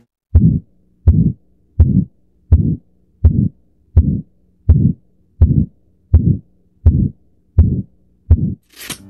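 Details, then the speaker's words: Stethoscope at the aortic point, second right intercostal space at the sternal border: regular heartbeat near 83 a minute with a harsh, drawn-out systolic murmur; aortic stenosis murmur. "this osculation point is best to hear the aortic valve and the murmur like aortic stenosis let's hear the aortic stenosis loud and clear"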